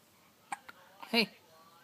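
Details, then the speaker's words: Baby with hiccups: two short sharp clicks, then a brief voiced hic sound, as an adult notices the hiccups. "hello uh oh you have hiccups now hello what are you doing it's a hard"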